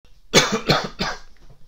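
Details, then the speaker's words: Three harsh, throaty coughs in quick succession from an adult with a strong East End Glasgow accent, who says constant coughing jams up the throat. "right I'll U start with cough cuz um it jams up my throat you see all the time and they have to cough and um and it's best that I do cough cuz then um it brings out the um Scot shots and in me a lot stronger"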